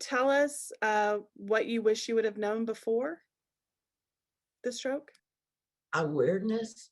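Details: Adult woman speaking; ordinary speech.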